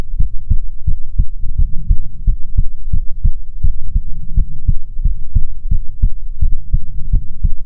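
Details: ASMR heartbeat recording: steady paired heartbeat thumps, roughly 75–80 a minute, with a low hum behind; heartbeat.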